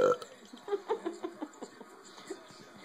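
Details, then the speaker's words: A burst of throaty croaking pulses and a drawn-out burp fading into softer gurgles, from an adult man deliberately burping for a child; burping. "hey buddy you got it's from the gut you got to get down deep"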